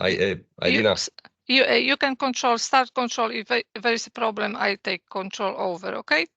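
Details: Adult speaker on an online call; Normal speech.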